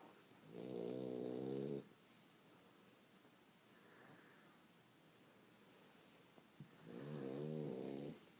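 Two long, buzzing, rattly snores about five seconds apart, with quiet breathing between; snoring during sleep.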